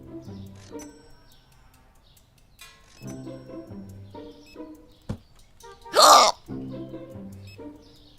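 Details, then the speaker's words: A streamer has a sudden attack of violent hiccups over game music: a sharp click, then a loud abrupt burst; forceful hiccups. "very violent hiccups oh my God"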